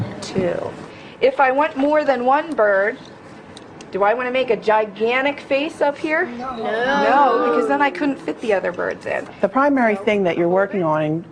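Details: Adult woman speaking; normal speech.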